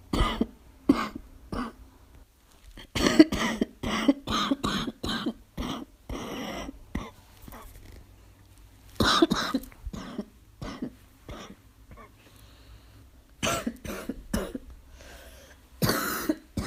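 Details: Adult with asthma: repeated harsh, short barking coughs in clusters with throat clearing, in a small room.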